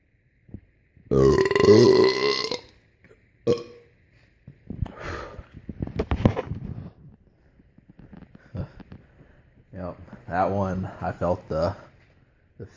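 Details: Loud, long voiced belch followed by shorter burps and a few croaky burp-like sounds; burping montage.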